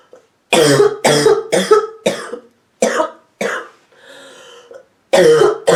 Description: sick woman deeply barks and hacks constantly